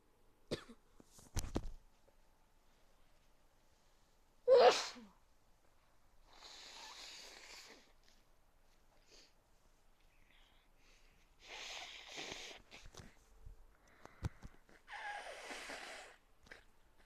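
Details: Adult with a cold sneezes once, sharply and explosively and loudly, then gives several softer, drawn-out airy breaths or sniffs: sneezing.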